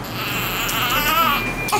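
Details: Baby with cleft lip before anesthesia for planned bilateral muscle-based repair: loud, sustained, tonal infant crying over room noise.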